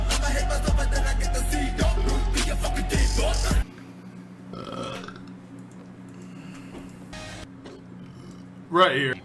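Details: Male live-streamer burping: loud music, then a quieter room with a low rumbling burp and a later loud voiced belch.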